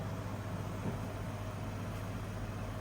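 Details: Home oxygen concentrator running normally, green light showing stable oxygen level: steady low hum and whir.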